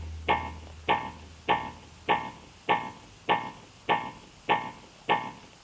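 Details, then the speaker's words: Philips FRX AED training unit in infant/child mode (pediatric key inserted): nine evenly spaced electronic metronome beeps at about 100 per minute pacing chest compressions during CPR, two-finger compressions for patients under one year. "push the chest down firmly keep time with the be again 100 times a minute consistent with American Heart Association guidelines"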